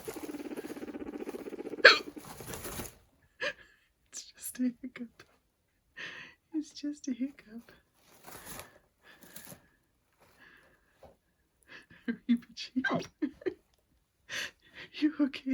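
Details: Human hiccups: small, repeated short jerks coming in clusters, heard beside a new male guinea pig who freezes at the sound.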